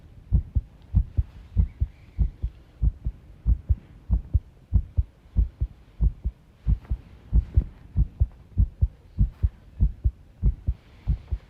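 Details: Heart sounds recorded while tidying a room, arrhythmia noted: paired heart sounds at about 95 a minute with slightly uneven spacing, faint room noise; irregular rhythm.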